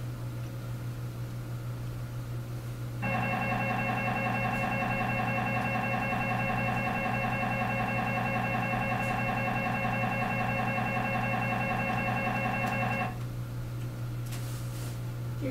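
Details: Simulated MRI scanner noise from a virtual reality MRI simulator used to practise lying still for a 10-second scan: loud, steady rapid buzzing and knocking for about ten seconds over a low hum.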